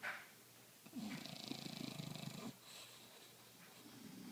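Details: Two sleeping English bulldogs snoring loudly, described as synchronized: a loud, fluttering, rattly snore on one breath, then quieter breathing; loud snoring in short-nosed dogs.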